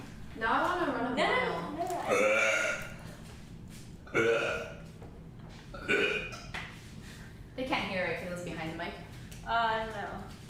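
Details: Streamer burping on a live stream: several loud, drawn-out, voice-like burps separated by short pauses over faint background noise; repeated belching.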